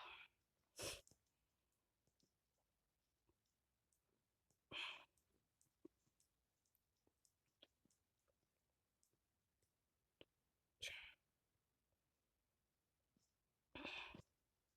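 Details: Four short, sharp dry coughs over about fifteen seconds in a quiet room with faint clicking, from a person with a cold complaining of a bad cough and hoarse voice.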